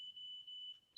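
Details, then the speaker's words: iCare HOME rebound tonometer measuring intraocular pressure, device held to the eye: steady high-pitched beeps, each confirming one recorded measurement until six are completed. "each of the little little beeps you can hear is it recording the measurement so once you've got five measurements and i'll just hold it there once you have the six measurements it'll tell you it's completed"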